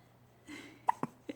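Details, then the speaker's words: Baby at home in a stroller for the first time with hiccups: three brief, abrupt catch sounds within about half a second after a soft breathy noise. "he is at home now he is in his fancy stroller and he's got the hiccups"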